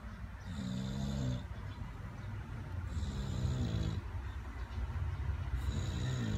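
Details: Loud rattling, snorting breaths in long repeated bursts from an English Bulldog that is awake and looking at the camera; snore-like breathing while awake.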